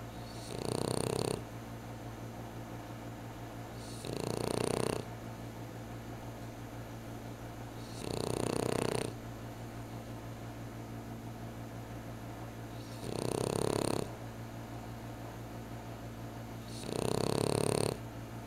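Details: Regular rasping snores about every four seconds, roughly 15 a minute, from a sleeper in a deep Saturday-afternoon snooze, over a steady low room hum.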